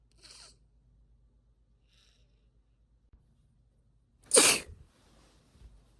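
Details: Induced sneeze from a female long-time sneeze stifler who is not at all sneezy: a faint breath, a pause, then one sharp explosive sneeze with a short trailing breath.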